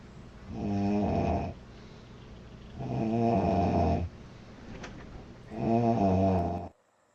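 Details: A girl snoring loudly: three loud, low, rattling breaths about 2.5 seconds apart (roughly 24 a minute), with quieter breathing between; recorded July 2017.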